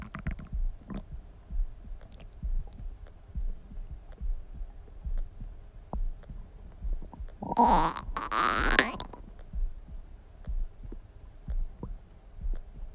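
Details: Person's stomach rumbling: low, irregular gurgles and rumbles with a louder gurgling surge midway; normal bowel sounds (borborygmi).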